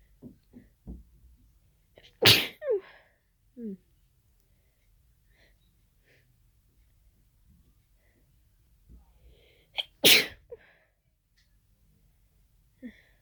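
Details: Adult's unexplained sneezing fit after an hour of nasal irritation, cause unknown (allergy medication taken): two forceful sneezes with sharp inhaled gasps and voiced catches before each, then sniffing.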